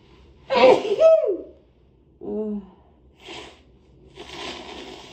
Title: Two big sneezes into a hanky (f)